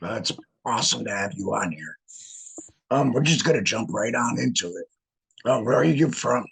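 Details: Adult man, a laryngectomee, who regained speech after a learning curve of some weeks and began talking about a month before starting his podcast; alaryngeal speech after laryngectomy.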